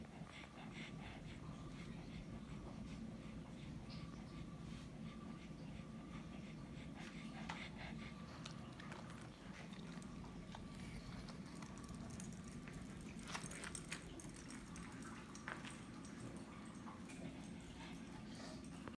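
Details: Pug (flat-faced dog) with stertor: continuous low, rattling snorts and snuffles with little quiet between breaths, noisy upper-airway breathing.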